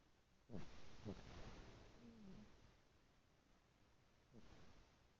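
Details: Small pet snoring while asleep on a grandmother's lap: soft, low snuffling breaths with a faint rasp, two or three in a few seconds.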